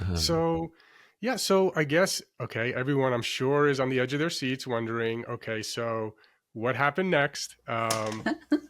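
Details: Adult man speaking; normal fluent speech.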